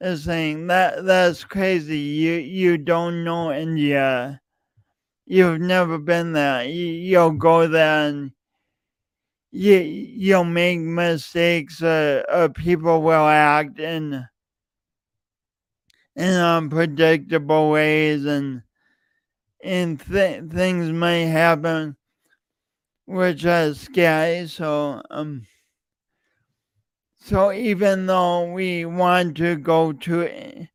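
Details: Adult man with a self-reported speech impediment, present for years and audible whenever he speaks; stuttering-like disfluency with repeated words.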